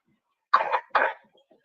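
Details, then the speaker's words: Young child at a park gives two short, moderately loud coughs in quick succession against a quiet background. "did you just hear the cough there so many kids at the park did you just hear the cough"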